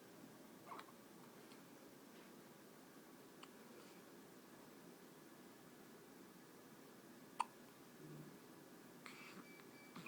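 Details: Infant with hiccups: soft, brief hiccup clicks, about four in ten seconds, in a quiet room; hiccups.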